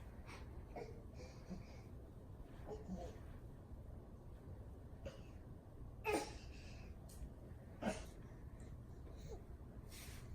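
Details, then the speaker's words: Inspiratory stridor from laryngomalacia in an infant girl: while excited and breathing rapidly, she makes short, irregular, vibrating croaking noises on breathing in. "so when it came in and she got excited and was breathing rapidly it sounded like they were vibrating and making a croaking sound my or or what not"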